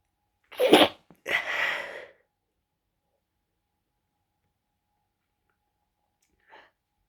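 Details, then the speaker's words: Stifled sneezes from a person with a bad, congested head cold, kept quiet because others are in the house: two sharp, muffled bursts close together, then a faint sniff. "I will be stifling these though, so I do hope it's any good for you at all."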